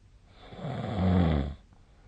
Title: 🐽 本日のイビキ / Snoring Sleep Sound 2025/02/21